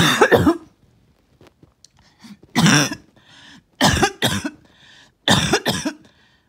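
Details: First coughing fit of the day: several harsh, rattly coughs in short bursts with pauses and throat clearing, as mucus would not come up as needed; productive cough.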